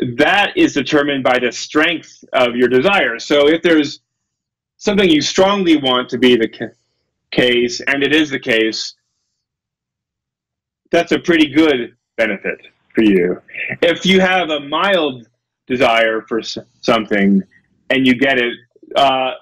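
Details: Adult male lecturer who says he has a speech impediment, stutters and gets stuck on his words, giving a talk; stuttering.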